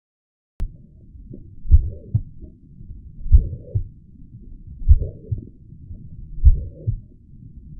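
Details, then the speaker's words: Teaching audio example of a mitral regurgitation murmur: slow heartbeat, about 38 a minute, with a high-pitched blowing systolic murmur filling the gap between the first and second sounds. "right-sided heart failure may develop causing neck vein distension and pitting edema, and a highpitched systolic murmur."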